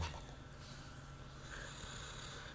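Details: Dog in deep sleep: a brief, low, rumbling snore-like breath over a steady background hum; snoring.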